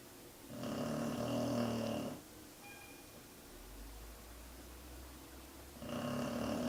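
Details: Two long, loud rumbling snores on breaths in, separated by a quiet pause, from a sleeping female pet whose snoring is loud enough to make the desk and floor vibrate.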